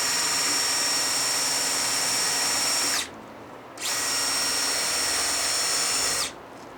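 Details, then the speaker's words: Two loud bursts of high-pitched powered drill whine with a short pause between, a 5.0 drill bit through a drill guide on the spiral hole, boring posterior to anterior for distal locking of an ankle arthrodesis intramedullary nail. "retiramos el trocar y procedemos a la perforación con la Broca de 5.0"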